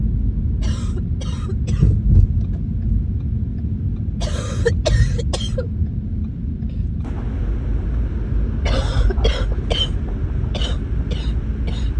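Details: Repeated coughing while sick, recorded during the illness: three clusters of harsh coughs over a steady low traffic or engine rumble.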